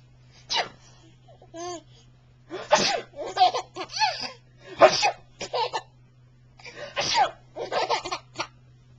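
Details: Baby giggling loudly in response to father's fake sneezes: exaggerated imitated adult sneezes, each followed by bursts of infant giggling; not real sneezing.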